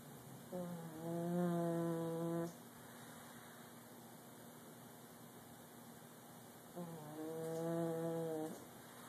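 Two long, droning, tonal snores about six seconds apart, separated by quiet room noise; snoring.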